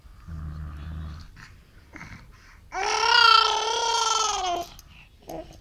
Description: Here Tired Daddy sleeping beside his 6 month old baby and video showing how she get annoyed by snoring of Daddy.